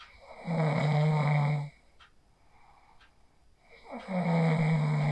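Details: Phone recording of a person asleep after practicing the 4-7-8 breathing technique: two loud, steady, buzzing snores on breathing in, separated by quiet out-breaths; ordinary sleep snoring.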